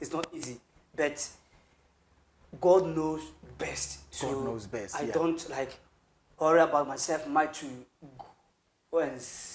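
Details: Adult male who has stammered since birth, a family trait shared with his grandfather and relatives, severe and worst on words starting with K or T, with breaks in speech but smooth when rapping; stuttering.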